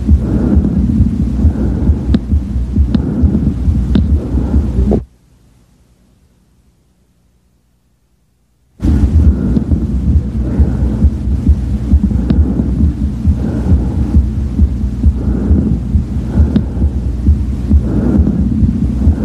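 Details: Bronchial breath sounds auscultated over the left lower lobe.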